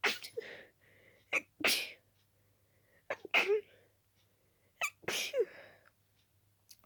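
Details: Itchy-nosed person with dust allergy: three quick wet sneezes, each with a sharp inhaled catch before the burst and only brief pauses between; an allergic sneezing fit.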